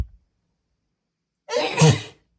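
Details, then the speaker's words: Woman sneezing when an incense stick, a known trigger, tickles her nose after she tries to hold it back: a short breathy intake, then one loud, explosive voiced sneeze that fades. "I'm not very good at holding back I'm going to try and hold back oh God I lost that one that was going to be a really big"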